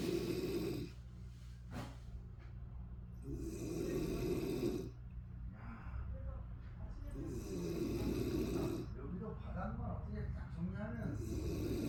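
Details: Mother's snoring during sleep, recorded in the recorder's childhood about 50 years ago: rhythmic rough, rattling breaths alternating louder and quieter phases with faint background noise; snoring.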